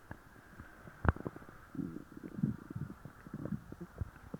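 Soft low gurgling and bubbling bowel sounds with a few sharper pops over faint background noise; active stomach growling after a laxative.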